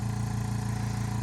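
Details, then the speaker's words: Suction machine switched on for tracheostomy suctioning during a nursing skills validation, after the client took 5 deep breaths to hyperoxygenate; steady low motor hum with fast regular pulsing; target 80–120 mmHg for adults, 50–100 for children. "My client has just taken 5 breaths, and now I'll go ahead and turn on my suction. We want this to be at 80 to 120 millimeters of mercury for adults and 50 to 100 for children."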